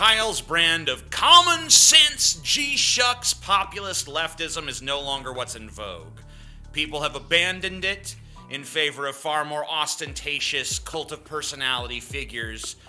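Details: Adult speaker; normal speech.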